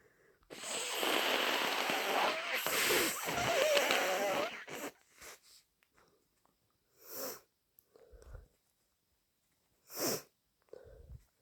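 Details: Person with a bad cold: long wet, gurgly nose blows and two messy, explosive sneeze bursts with quick breaths between; sneezing with nasal congestion.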